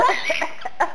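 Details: A child gives a quick run of short, breathy coughs lasting under a second; cough.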